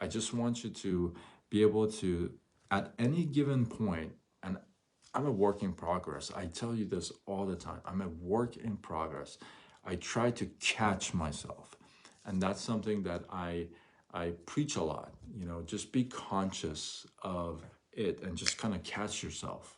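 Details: Adult male who stutters, onset noticed around age 6, severe between ages 13 and 23-24 with chin shaking and gasping for air, since improved; stuttering.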